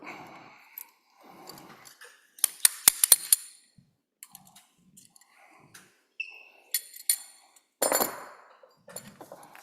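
Quiet room with rustling, then a run of sharp metallic clicks and taps: a slap hammer pulling out a joint dilator.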